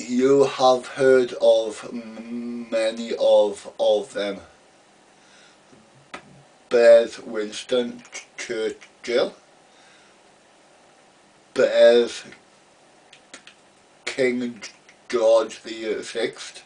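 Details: Adult man, real, stammering since about age three; part-word and word repetitions and blocks heard; stuttering.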